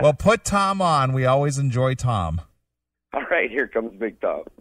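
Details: Adult men, radio show; Ordinary speech.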